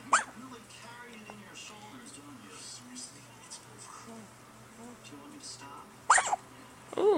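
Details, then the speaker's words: Two sharp, high squeaky hiccups about six seconds apart, apparently from a small animal, over quiet room noise and faint voices; hiccups. "Alex has the hiccups. Did I get a raise? See, he's a little squeaker."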